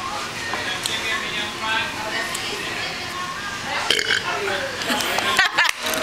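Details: Burp contest, round two: a drawn-out, rasping belch ending in a few short bursts, over crowd chatter.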